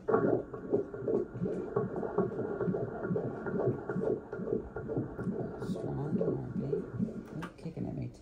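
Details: Fetal heartbeat on ultrasound at 37 weeks of pregnancy (third child): fast, regular whooshing pulses at about 138 beats a minute, normal fetal rate.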